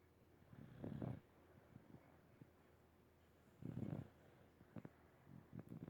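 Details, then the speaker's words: Sleeping animal that snores every day: soft, low, rattling snores roughly every three seconds with faint snuffles between; snoring. "Did you know you snore? Yeah?"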